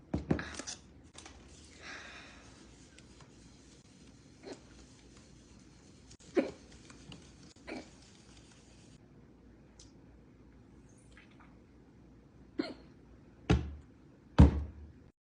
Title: Cute hiccups